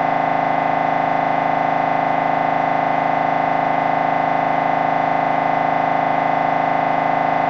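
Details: Loud, steady, rapidly pulsing electronic buzz at about 158 pulses a minute from an MRI scanner during a brain scan, a normal operating sound.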